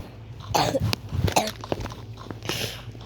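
Three or four short harsh coughs in a small room, with a brief throat-clearing sound.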